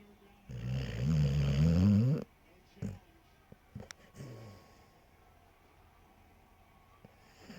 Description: Dog laying in bed snoring loudly